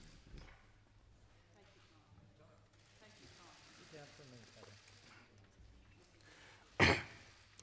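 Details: A 48-year-old man has a coughing fit during a parliamentary speech and is later tested for coronavirus; soft room murmur and faint voices, then a single loud, harsh cough near the end.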